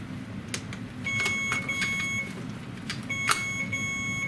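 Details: Steady high electronic beep tones from an Alaris infusion pump over faint room noise during chemotherapy administration. They sound after the primary tubing is back-primed from saline, reloaded on the pump and clamped; infusion pump beeping.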